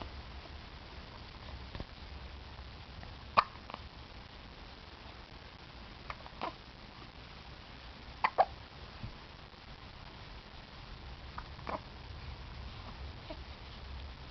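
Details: A two-week-old makes about five brief, sharp hiccups a few seconds apart over quiet room noise; hiccups.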